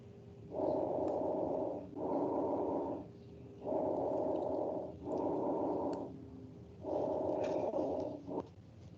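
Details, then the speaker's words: Nursing auscultation teaching: normal bronchovesicular breath sounds heard between the trachea and upper lung lobes. Medium-intensity, hollow sounds with inspiration and expiration about equal, roughly 19 breaths a minute. "o outro som normal de ser ouvido auscultado é aquele que que a gente chama de ruídos broncovesiculares"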